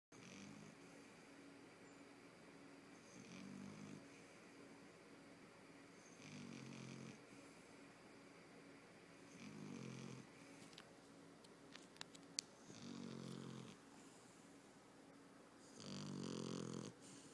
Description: Mochi, our 2 y.o. puggle girl snoring her her heart out. This is a little quieter than usual.